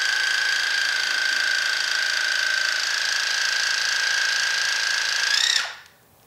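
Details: Ear irrigation with a modified Waterpik for impacted earwax, both ears blocked: steady high-pitched pump whine with rapid pulsing, then stopping; patient slightly dizzy.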